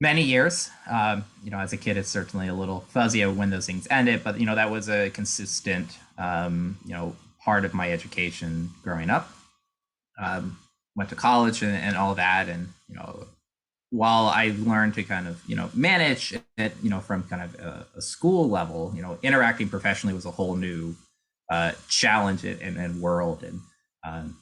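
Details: Adult male speaker; typical speech.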